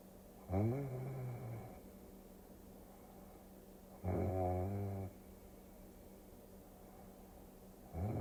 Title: Tokyo Cruising for Sleep Induction with Snoring Sounds #relax #sleep イビキの音でぐっすり快眠